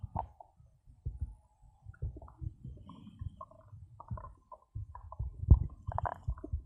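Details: Bowel sounds (borborygmi) after drinking cola, recorded for ASMR: irregular low gurgling and rumbling with bubbling squeaks; stomach growling.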